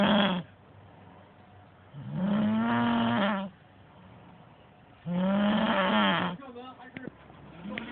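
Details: Heavy snoring from a sleeping person: loud, drawn-out voiced snores about every three seconds with quiet pauses between, and faint talk in the background.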